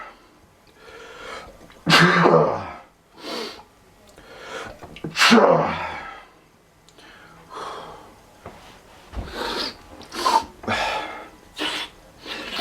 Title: PAINFUL HEADACHE INDUCING SNEEZES MAD AND NON STOP!!!!!!